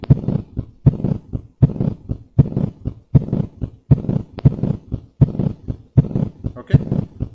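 Heart sounds at about 79 a minute with a loud third sound and short low rumbling diastolic murmur; rheumatic mitral regurgitation.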